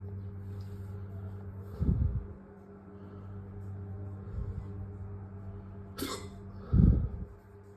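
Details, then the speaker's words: Adult with self-induced hiccups lasting about 20–25 minutes before stopping: three short, abrupt throat catches several seconds apart over a steady low hum; repeated hiccups. "think that's it. They stopped. That wasn't bad. Maybe 25 minutes of hiccups."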